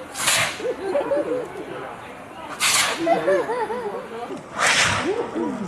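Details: A baby giant panda sneezes loudly.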